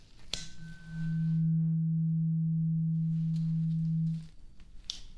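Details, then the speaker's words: Role-played ASMR ear exam hearing test: a struck tuning fork gives a steady low pure hum for about three seconds while the listener, eyes closed, is asked which side they hear it on; tuning fork tone. "So I have a tuning fork. Okay. So I want you to close your eyes and tell me what side you hear the tuning fork, okay?"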